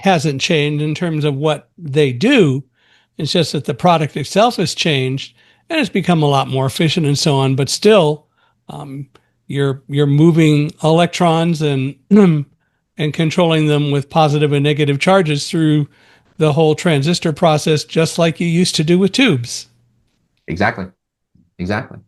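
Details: Adult male speaker; normal conversational speech.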